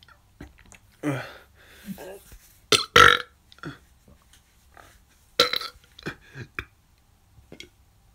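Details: Several loud, drawn-out deliberate belches with short gaps, self-induced repeated burping over music; burping.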